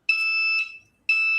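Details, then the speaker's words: Two loud high-pitched beeps from the speaker's own blood glucose monitor alarm, alerting to high blood sugar; the speaker says it is a bit high and turns off the alarm. "It's just my blood sugar being a little bit high. I'll I'll I'll take care of that after the show. I'll just turn off the alarm thingy."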